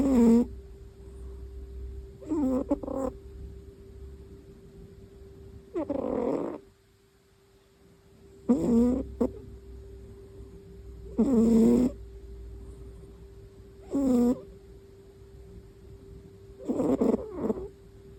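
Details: Young female cat snoring rhythmically while asleep, about 22 breaths a minute, faint steady hum in background.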